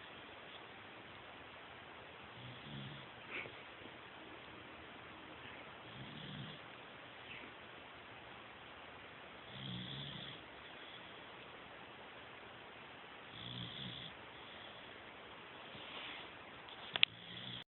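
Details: Snoring: quiet, low snores at regular intervals, about 14 a minute, over a steady hiss, with a sharp click near the end.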